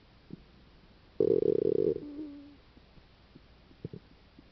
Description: Stomach Sounds Caused by Stomach Ulcer